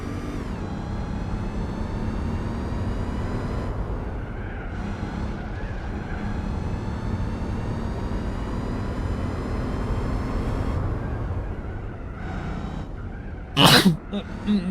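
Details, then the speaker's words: Gamer sneezing during a racing-game livestream, turning away from the microphone while driving: steady engine drone, then one brief, sharp, muffled sneeze burst near the end. "sorry I had to sneeze hope you didn't hear it too loud I tried I did my best to move away from the microphone while still driving"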